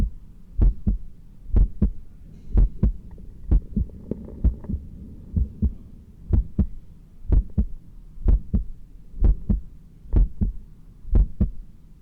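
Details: Normal heart sounds recorded during close-grip and balancing push-ups: strong, regular paired beats at about 63 a minute, not fast but pumping hard to meet the exercise demand.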